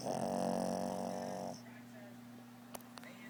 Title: Pug snoring